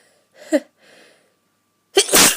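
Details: Sneeze from a person feeling run down and unwell: two breathy intakes with a brief high-pitched catch, then a sudden loud, hissing, high-pitched sneeze burst.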